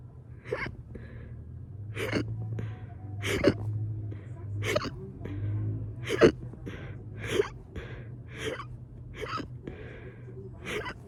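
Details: Fast hiccups induced by burping: about eleven quick, sharp gulping catches roughly one per second over soft background hum; rapid repeated hiccups.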